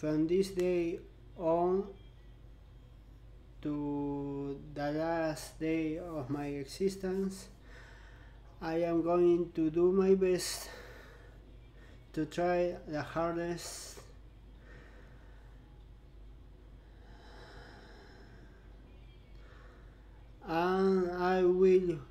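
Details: Stuttering in an adult man working to control his own stutter; pauses and breaks between phrases.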